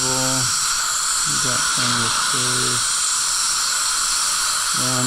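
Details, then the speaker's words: Constant high-pitched whine of a high-speed dental handpiece with brief tooth contact sounds and low hum, rounding the axial wall and corners of an upper right molar (tooth #3) crown preparation. "off that axial wall. Rounding off that upper corner there."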